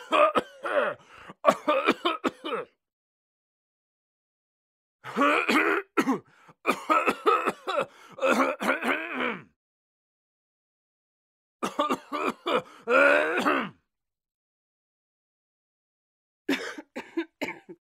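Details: Four bouts of acted adult coughing with a throat-clearing quality, separated by silence, from a sound-effect recording: a simulated cough.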